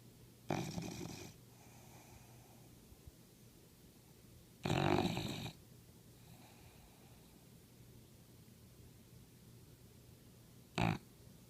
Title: sleeping/snoring olde english bulldogge